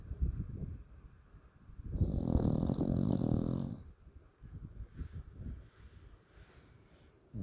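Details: Fluffy corgi asleep, giving one long, loud, rumbling snore likened to Fred Flintstone between softer, irregular breathing noises; snoring.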